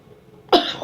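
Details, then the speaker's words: Speaker blames extra salt on theater popcorn: a single sharp cough after a quiet moment, quickly fading. "Sorry about that. It's because I put extra salt on my stuff."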